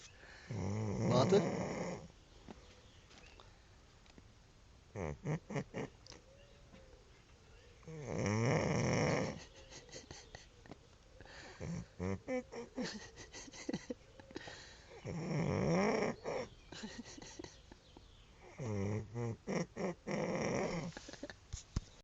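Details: Snoring in sleep after camping and drinking: loud rattling snores about every six to seven seconds, with snorty fluttering sounds between breaths.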